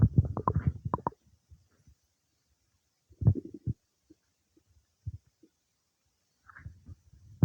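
Irregular gurgles and low bubbling rumbles in short clusters with quiet gaps: bowel sounds of normal digestion.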